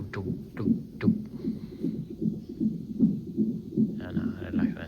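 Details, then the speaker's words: Fetal monitor in a hospital before the mother's planned surgical (cesarean) delivery: fast, rhythmic whooshing thumps at roughly 150 per minute, with faint background talk; fetal heartbeat. "sabi ni bas ng heart bit ni bb ch ch ch ch"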